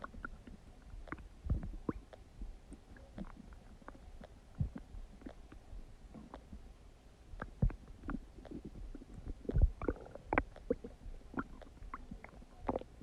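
Frequent soft gurgles, clicks and low rumbles over quiet background; normal active digestive bowel sounds.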